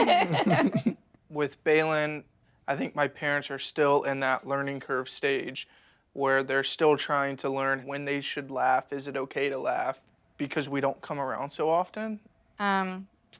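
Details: Adult man speaking; normal speech.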